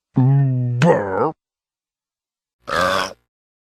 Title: Burp Sound Effects 🗣️ 🔊